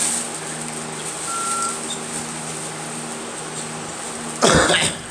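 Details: A single harsh cough burst from a girl near the end, over a steady engine-like background hum; cough.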